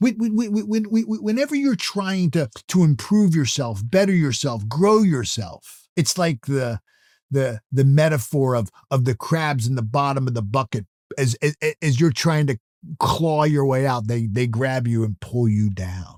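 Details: Adult male motivational speaker who self-reports stuttering or stammering; natural speech with word repetitions; finding: stuttering.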